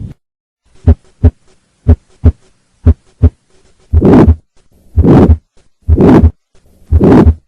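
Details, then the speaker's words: Aortic stenosis: three normal beats, then a loud diamond-shaped systolic murmur after S1, ending before the aortic component of S2, from the left ventricle–aorta pressure gradient. "murmur this murmur has a diamond shape and ends before the aortic component of the second heart sound this murmur is due to the pressure gradient between the left ventricle and the aorta"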